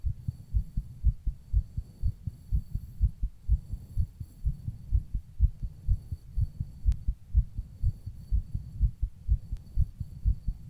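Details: Heartbeat of a person rebreathing into a plastic bag.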